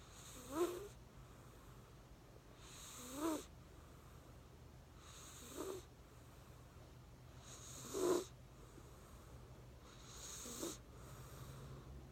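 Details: Sleeping cat with soft, rhythmic snorting snores about every 2.5 seconds, roughly 12 a minute; snoring.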